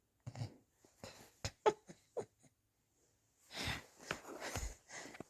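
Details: Person just woken in the morning, filming own hiccups, which soon stop: several short, abrupt catching sounds in quick succession, then noisy breathing; run of hiccups.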